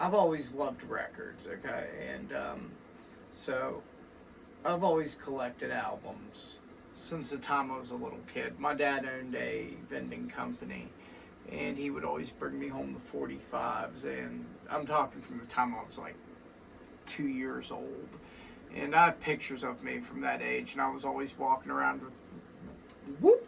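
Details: Adult male with vascular Ehlers-Danlos syndrome (weakened tendons and ligaments, constant dislocations) and Tourette's; he says the syndrome causes his voice: voice disorder associated with vascular Ehlers-Danlos syndrome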